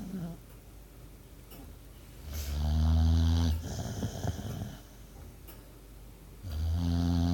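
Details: Two low, rumbling snores on the in-breath with quiet pauses between, in a quiet room; snoring.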